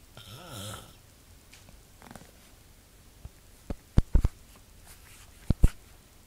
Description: My Dad snoring in the middle of the night!